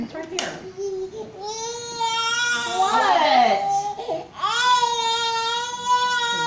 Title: Baby girl crying in her car seat a little bit